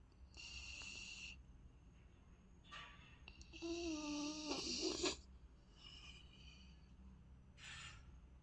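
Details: Three-month-old golden retriever puppy asleep: soft, whistling, snorting breaths with a squeaky tone on some; light snoring.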